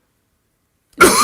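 After about a second of silence, a single abrupt adult cough begins and is cut off at the end.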